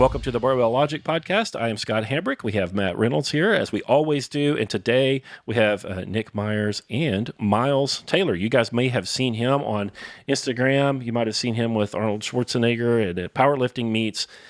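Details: Adult male speaker; normal speech.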